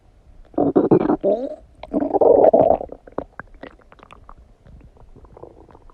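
Gurgling, bubbly rumbles from the abdomen come in a few loud bursts, then trail off into soft clicks and trickles: active bowel sounds after eating.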